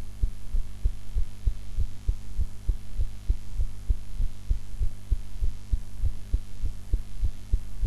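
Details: Own heartbeat recorded after eating, in a posture different from usual: steady, regular low thumps at roughly 100 a minute over a constant electrical hum; normal heart sounds.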